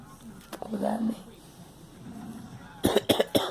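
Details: Girl coughing: brief speech and throat noise, then about four quick, sharp coughs in a row.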